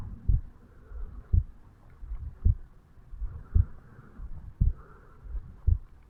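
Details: Heartbeat of a 35-year-old male recorded at the bicuspid/mitral valve area upon waking up in the morning: heart sounds.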